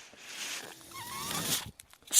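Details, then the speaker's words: The speaker's own mechanical ventilator, audible during podcast speech; mechanical ventilator sound. "My name is, that noise you hear is my ventilator. Thank you for tuning in to Page Turners They Were Not, my Star Wars podcast."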